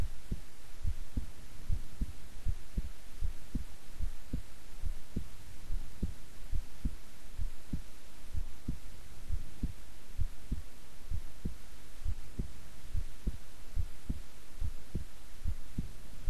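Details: Steady, regular low heartbeats at about 80 a minute over a constant low hum, a person's own heartbeat recorded at length while resting quietly; normal heart sounds.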